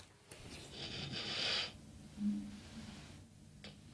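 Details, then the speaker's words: Patient with obstructive sleep apnoea woken briefly by a breathing stop: loud, rough gasping inhalation, a brief snore-like breath, a pause, then another sharp gasp, before falling back asleep. "der Patient trinkt nach Luft er ist Halbach ein Atemstillstand hat ihn aufgeweckt für einen kurzen Moment atmet der ruhig schläft wieder ein"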